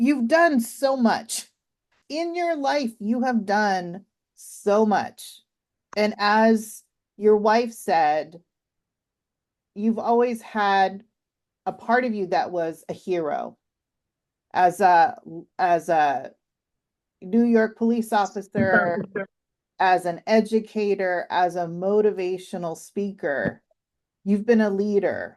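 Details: Adult woman; typical speech.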